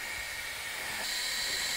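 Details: UCL-Ventura CPAP device: steady high-pitched hiss of gas flow from the flow generator running after the mask is fitted snugly over nose and mouth, before flow is adjusted to set CPAP; CPAP flow generator running.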